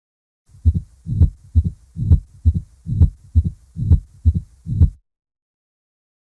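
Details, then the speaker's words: Mitral stenosis: S2, then a micro delay and an opening snap, followed by a decrescendo and then a later crescendo, delayed diastolic rumble. "so this is what mitral stenosis sounds like all right so i hope you're able to appreciate the s2 dub a little bit of a like a micro delay and then you hear the opening snap followed by the decrescendo and then later a little bit of crescendo delayed diastolic rumbling"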